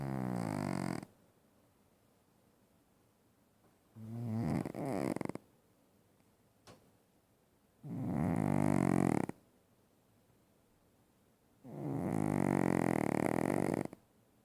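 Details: Four loud, rattling snores in a quiet room, each lasting one to two seconds, about 16 breaths a minute; loud snoring.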